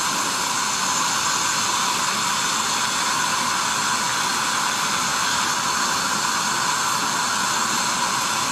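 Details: Acteon Neutron piezoelectric ultrasonic scaler on the upper left quadrant at power setting 4.5 to show aerosol, with a mouth mirror holding the HVE near the tip: steady loud hissing spray with a high whine.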